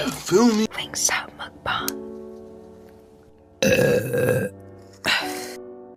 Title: The LOUDEST Mukbang burps of all time 💀🤢